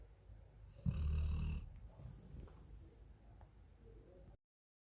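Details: Female golden retriever sleeping, giving one loud, low, rattling snore on an in-breath followed by quieter breathing noises; snoring.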